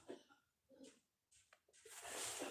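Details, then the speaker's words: Several rough, breathy cough bursts from an unwell adult woman in the background of a small room, ending in a noisy, drawn-out bout; a cough during a flu-like illness. "you can hear me Mrs coughing her lungs up she's fucking not well ER anyway"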